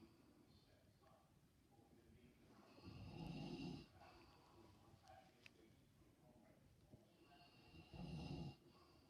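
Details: A father snoring: two loud, rough, rattling snores on inhaling, about four seconds apart, with quiet breathing between.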